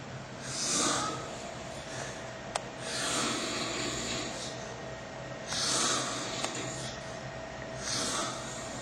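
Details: Snoring: rough, noisy snores on each breath, about four in under nine seconds, roughly 25 a minute.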